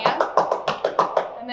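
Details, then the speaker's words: Demonstration of postural drainage with cupped-hand chest percussion, patient lying on the left side targeting the anterior lower lobe. Rapid, loud hollow claps, about eight in under two seconds, from air trapped under the hand. "I'm going to Target this area for 5 to 10 minutes you want it to be loud you want to be able to hear like that cuz it's air getting trapped underneath my"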